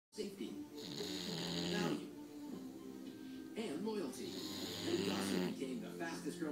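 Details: Female English bulldog snoring while asleep, one eye appearing open: two long, rough, rattling snores over steady background noise.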